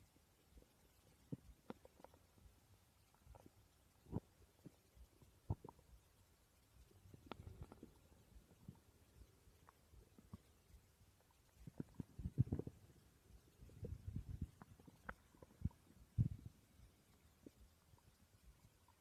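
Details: Stomach growling recorded during sleep: quiet, irregular gurgles, pops and low rumbles over soft room hiss; ordinary borborygmi, normal digestive sounds.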